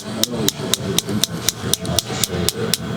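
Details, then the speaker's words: Focused shockwave therapy on an adult woman golfer and new runner, her second focused session: sharp regular clicks about four per second with quiet room sound between pulses. "wow yeah gets a little bit more intense than the uh than the radial shock wave right m is this your first time getting focus shock wave"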